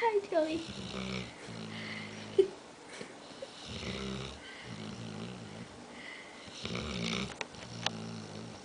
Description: Joey, my dog, snoring while half awake